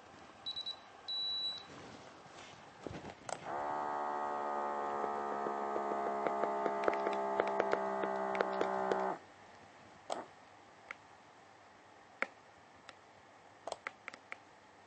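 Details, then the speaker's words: Welch Allyn 6100 ambulatory blood pressure monitor running a test reading started by pressing the blue button twice: a few beeps, about five seconds of steady pump hum as the cuff inflates, then quiet release clicks. "you give them a test which will be shown on the dispos screen on the front of the abpm you do that by pressing the blue button twice"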